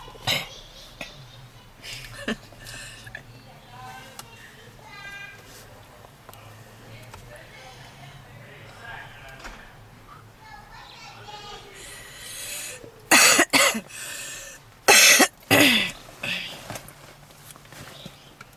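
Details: Woman smoking in a car with intense coughing and heavy wheezing on almost every inhale: after quiet rustling, a burst of about four loud, harsh, forceful coughs; smoker's cough.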